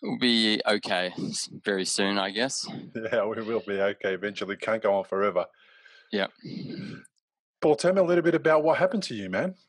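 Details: Adult man speaking; normal speech.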